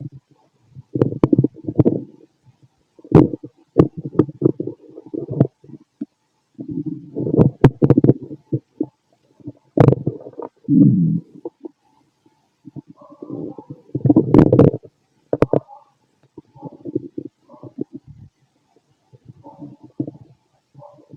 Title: Fit male stomach growls, wonder how it looks inside 🫣